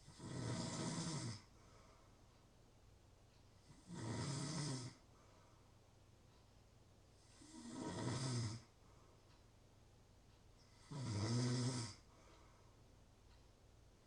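Four regular snores in fourteen seconds, about seventeen breaths a minute, each a rattly breath in with quiet gaps; steady sleep snoring.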